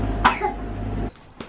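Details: Sick baby girl with blocked nose giving two short coughs, the first followed by a noisy trailing breath, over a low room hum; cough.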